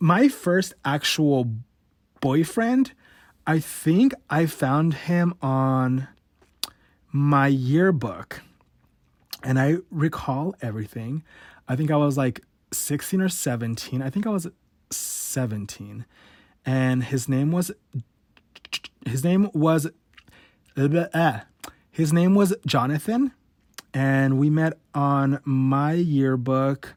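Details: Adult male with stuttering since about age 5–6, worse since his teens; real, unedited stutter: stuttering.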